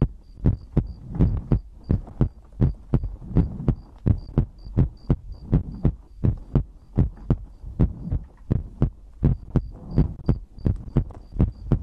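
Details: ASMR recording of a person's own heartbeat made for sleep: steady low double thumps at about 80 a minute with a faint soft hum; normal heartbeat.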